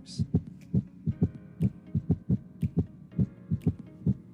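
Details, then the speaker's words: Simulated heart sounds in a VR nursing-simulation demo on heart auscultation landmarks, rate about 68 per minute, with a murmur (type not named; S3, S4 or holosystolic murmur offered as options): heart murmur. "now I'll give you a hint this is a murmur so go ahead and drop down in the comments"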